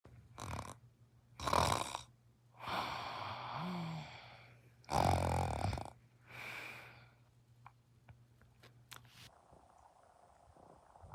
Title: How is bro snoring like that